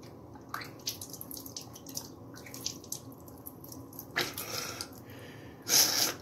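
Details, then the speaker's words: Water dripping and splashing into a sink, then gurgling spray bursts as saline from a neti pot runs through the second nostril, head tilted, mouth open, in a person currently sick; nasal saline rinse producing mucus, no burning. "I'm going to put it on your nostril here, open your mouth, and pour."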